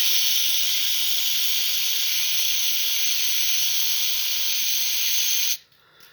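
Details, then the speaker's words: Steady loud hiss of lighter gas sprayed for about five seconds, then stopping; a self-applied home treatment freezing a corn on the foot, which the person says hurts a lot. "arkadaşlar sizinle aynı şekilde nasıl bölgeyi soğuk gaz vererek puan aşırı derecede bir canım yanıyor"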